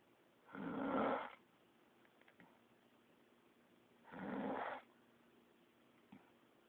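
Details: Loud snoring: two rough, rumbling snores about three and a half seconds apart, roughly 17 a minute, in a quiet room.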